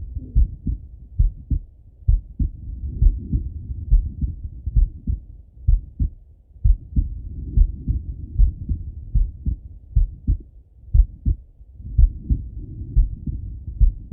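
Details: Male lying on left side, stethoscope heart auscultation: low, regular lub-dub heartbeats, about 70 beats a minute, over a soft rumble; heart sounds.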